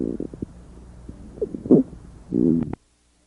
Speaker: Many squawks are inspiratory, but this squawk is both inspiratory and expiratory, louder on inspiration and softer on expiration.